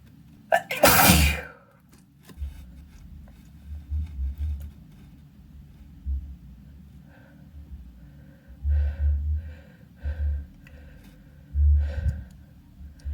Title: snotty handkerchief sneezes